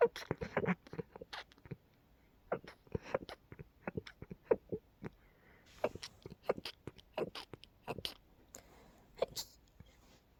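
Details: Sneezing fit after dusting with an open window while a neighbour mowed the lawn, blamed on pollen and dust: a rapid burst of many small, quiet, stifled sneezes in a row.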